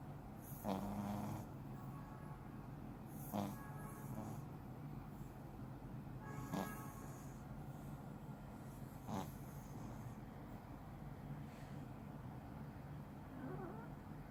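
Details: Sleeping French bulldog snoring: rhythmic snorting snores about every 2.8 seconds, roughly 21 per minute, over a steady low background hum.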